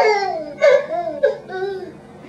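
Brief high, wavering crying with rising and falling pitch and short sobbing bursts; an infant cry.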